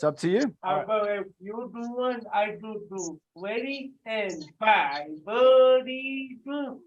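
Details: Adult with cerebral palsy, dysarthria (cerebral palsy); loud call-out during a live group workout.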